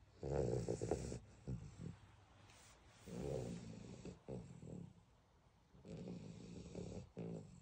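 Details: Beagle puppy sleeping and snoring: rumbling snores about 21 a minute with fluttery low vibration on each breath.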